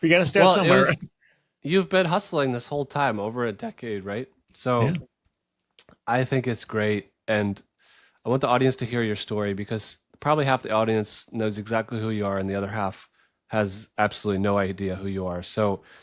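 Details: Adult male speaker; ordinary fluent speech.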